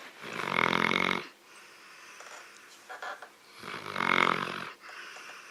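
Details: Female sleeper snoring: two loud, vibrating, rasping snores about a second each, with quieter breathing between.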